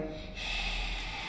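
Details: Aphonia about two months after a cold and fever, before voice therapy; patient attempts the vowel 'e' on prompt, producing only breathy, voiceless sound.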